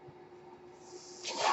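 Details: The speaker's own mechanical ventilator, heard during podcast speech: a soft steady hum building into a rushing airy hiss near the end.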